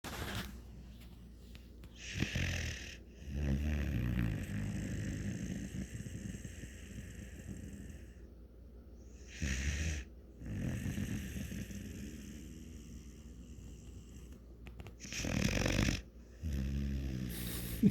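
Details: Gus, a sleeping dog, snores in slow, rumbling cycles, each breath drawing a low, rattling snore.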